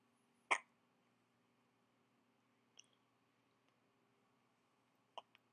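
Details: Three brief, abrupt hiccup sounds over several seconds in a quiet room during an attack of hiccups.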